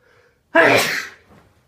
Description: Sneezing myself to sleep